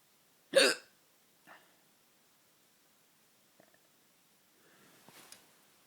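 A sharp, abrupt hiccup burst, then a fainter second one, with quiet clicks and soft breathing after; ordinary hiccups.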